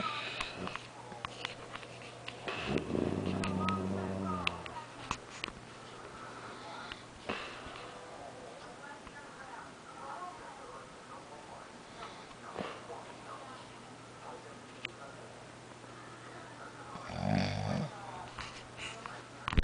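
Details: A father asleep and also caught talking in his sleep: two loud, rough, low snorting snores about fourteen seconds apart, with quieter rustling and clicks between.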